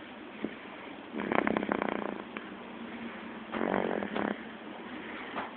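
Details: Light snoring: two soft, fluttering, rattly breaths about two seconds apart over a steady room hum.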